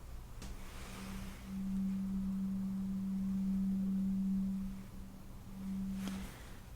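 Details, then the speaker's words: Roleplayed (simulated) ASMR hearing test: soft, steady low-pitched hum lasting a few seconds, played to one ear as a demonstration of the deeper test tone before testing the other side. "Yeah, alright, so this is what this one sounds like. A little bit deeper, right? More like a hum."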